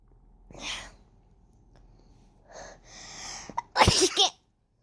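Breathy build-up inhalations followed by a loud, unusual sneeze burst.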